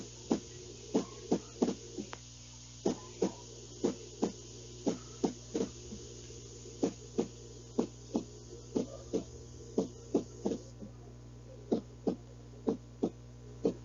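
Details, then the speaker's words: Demonstration of an irregular heart rhythm, contrasted with a normal rhythmic beat: sharp heartbeats at an uneven pace with irregular gaps and early extra beats over a steady hum; irregular heartbeat with extra beats. "como dice ahí no tiene ritmo no es seguido no es continuo sino que hay como se dice un latido extra y ahí es donde viene el problema"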